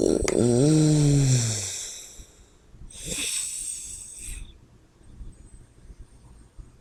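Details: A loud, low, vibrating snore on the in-breath, then a breathy out-breath and quieter breathing, during sleep in a person described as having sleep apnea; snoring.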